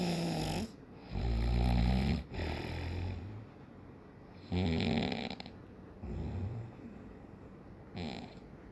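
Loud, rough, low snores in repeated bursts with quieter breaths between them; heavy snoring.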